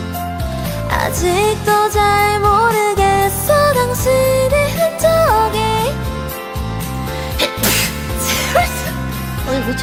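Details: Sung duet over backing music broken near the end by a sudden sharp, hissing single sneeze from a singer who has rhinitis, during a karaoke livestream.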